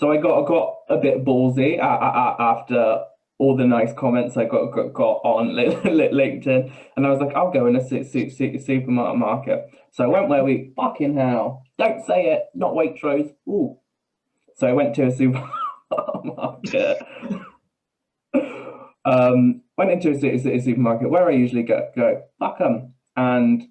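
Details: Adult man with Tourette syndrome: vocal tics with coprolalia, involuntary swearing and blurted phrases mid-sentence, plus a stammer he says worsens under stress.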